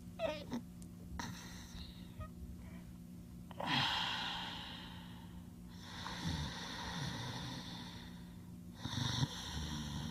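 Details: Sleeping with irregular snorting, snuffling breaths and soft snores over a steady room hum; snoring.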